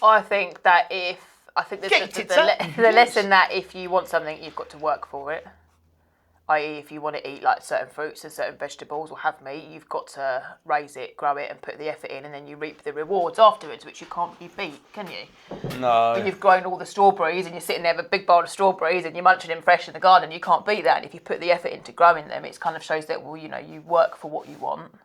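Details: Adult speaker; ordinary speech.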